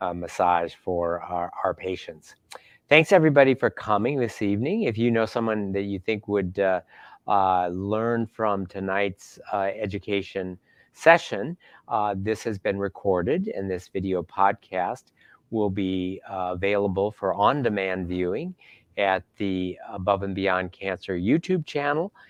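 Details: Adult man speaking; normal speech.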